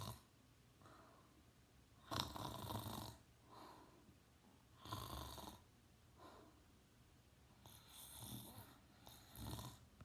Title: Teen boy snoring!